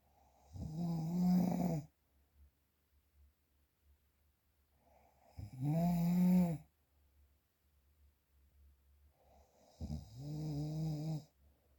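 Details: Real, unprocessed snoring recording: three deep, buzzing snores on breathing in, about 15 a minute, with quiet pauses between them.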